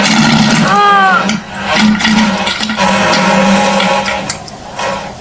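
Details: Olivia's stomach growling: low, bubbling gurgles with a brief rising-and-falling squeal over a steady hum.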